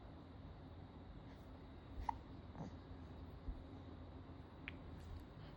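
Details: Young child with hiccups: two or three brief, sharp little catches against quiet room noise.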